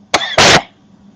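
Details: A single loud, forceful adult cough with sharp onset and harsh noisy burst, notably loud compared with surrounding speech; the cougher worries about losing their voice from the loud coughing.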